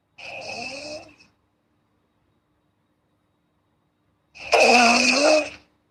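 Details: Girl sleeping, two separated snorts with a nasal, rattling edge and silence between them: snoring.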